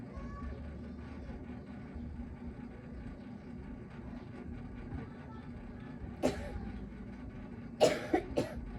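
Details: Person with a runny nose and cough, in a vehicle: steady rumble, then four short coughs near the end, one single and three close together.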